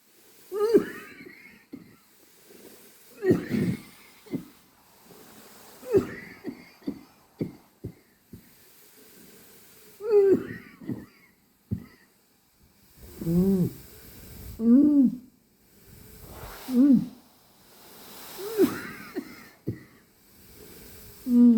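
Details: Adult woken at 12:45 am with the BiPAP machine on, coughing and struggling to breathe; repeated short coughs and strained, noisy breaths with wheezy, groaning sounds, filmed on a phone.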